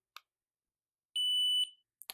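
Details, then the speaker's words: Completion beep of an ear thermometer placed in the ear canal by the user: a single high-pitched half-second electronic beep. The reading shown was 36.6 °C. "piepst wieder und schon kann ich nämlich das thermometer hier raus nehmen und die temperatur schön ablesen"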